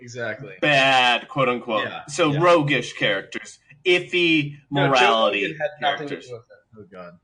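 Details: Adult man speaking; speech in cerebral palsy.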